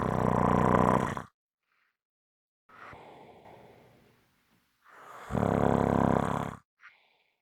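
Loud, harsh rattling snores on inhalation, separated by softer breathing out.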